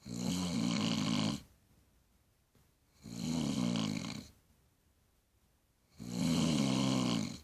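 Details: Adult woman (mother) snoring, recorded on a phone: loud, rattling snores on each breath in, about every three seconds, roughly 20 breaths a minute, with quiet breathing out between; heavy snoring.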